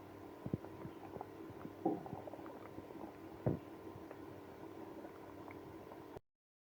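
Irregular gurgling and rumbling abdominal noises with a few louder bursts; active bowel sounds in irritable bowel syndrome.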